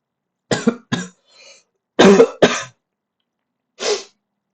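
An adult coughs repeatedly in short clusters, about six harsh bursts with a faint breath between, consistent with a frequent cough.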